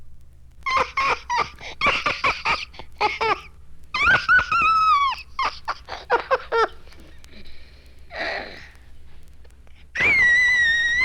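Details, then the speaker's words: Cerebrally damaged infant with microcephaly: choppy, laughing-like bursts of shrill vocalizing, then a sustained piercing wail, an abnormally high-pitched laughing cry. "Cerebrally damaged infants have long been known to have a high-pitched cry."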